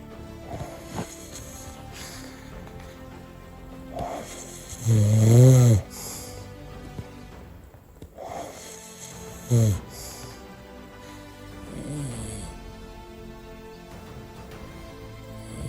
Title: Sleep like a Boss | Snoring